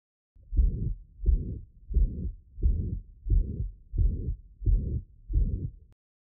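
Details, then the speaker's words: Regular heartbeat near 88 a minute with a steady murmur of equal intensity filling each systole; pansystolic murmur. "Now, let's look at panstoic murmurs. Here, the murmur has an equal intensity throughout."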